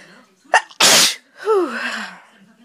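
A sharp inhaled catch and a loud explosive sneeze, followed by a voiced sound: a single sneeze.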